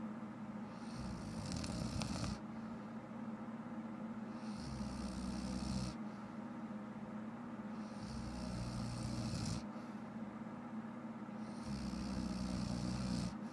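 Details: Low rumbling snores over steady room noise, about one every three to four seconds, some rattling; ordinary snoring from a sleeping adult woman.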